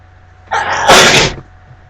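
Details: A single loud sneeze with a brief inhaled build-up and sharp, forceful release while reading aloud, from a person very allergic to cats with a cat present.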